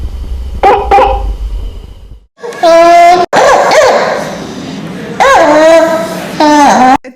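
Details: Harsh, barking, seal-like coughs from a young child, typical of croup with swelling around the voice box: a barking cough (croup).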